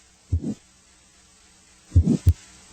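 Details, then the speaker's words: Carotid artery auscultated with stethoscope diaphragm: low thumping beats with soft whooshing after each; carotid bruit. "listen for a bruit which is a whooshing murmur like sound of vascular rather than cardiac origin a bruit suggests arterial narrowing if present a bruit would sound like this"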